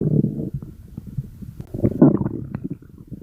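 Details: Stomach growling (borborygmi): low gurgling, bubbling rumbles from the belly, ordinary bowel sounds often linked to hunger.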